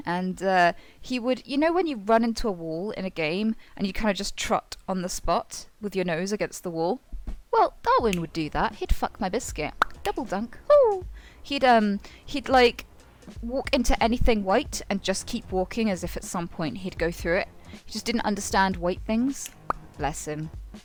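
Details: Tourette syndrome in a woman, with involuntary vocal tics including interjected swearing; Tourette syndrome vocal tics.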